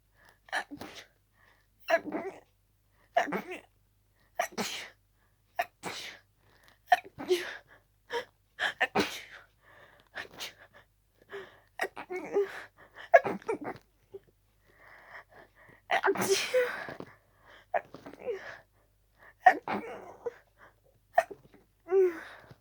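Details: Sneezing fit with a cold: long run of harsh, forceful sneezes in quick succession, barely a pause to breathe; couldn't stop sneezing, sneezes usually intensify with a cold, left sore.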